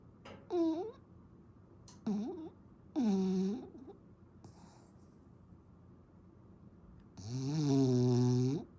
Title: Snores louder than my husband 😆